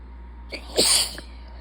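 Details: Single sharp, hissing sneeze with a brief lead-in breath over low background hum, from a person recovering from feeding-tube insertion surgery done in late January; a beeping device is audible elsewhere in the recording.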